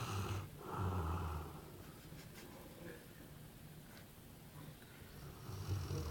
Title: Dog snoring